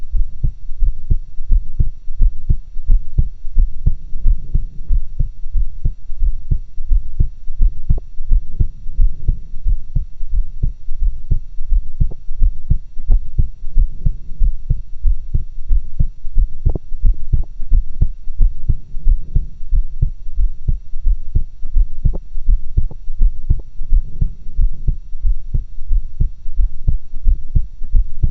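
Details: Own heart sounds recorded through two stethoscopes for a pseudo-stereo recording: steady adult heartbeat about 88 beats a minute with normal-sounding lub-dub beats.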